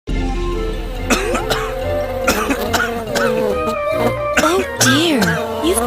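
Several short, dry acted coughs from an adult over music playing throughout; the finding is cough.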